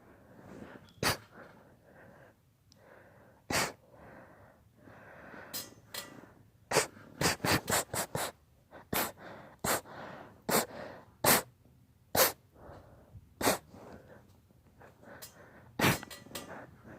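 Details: A rapid run of about twenty short, sharp sneezes, some in quick clusters, with snuffly breathing between; sneezing fit.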